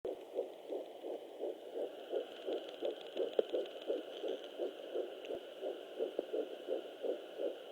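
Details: Fetal heartbeat at 11 weeks 4 days of pregnancy on a Sonoline B fetal Doppler: rapid, regular whooshing pulses at about 165 beats a minute.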